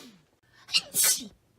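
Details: A singer, who has a stuffy nose from a cold or allergy, sneezes during an interview and then apologizes. A cute sneeze.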